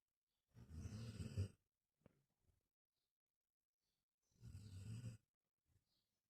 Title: snoring while he sleeps